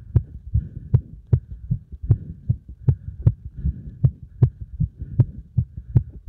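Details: Heart pounding after strong exercise load: strong, steady, loud heartbeats at about 78 a minute with a low hum between beats; a forceful post-exercise heartbeat.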